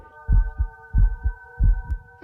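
Regular paired low thumps, about 90 beats a minute, over a steady background hum: a heartbeat.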